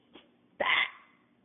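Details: A faint sniff followed by a single sharp, breathy sneeze from a maltipoo dog that was taught to sneeze on the cue to speak.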